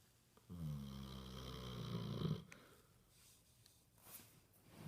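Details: Basset hound snoring while asleep, apparently dreaming: one long, low, buzzing snore lasting about two seconds, then quiet breathing in a still room.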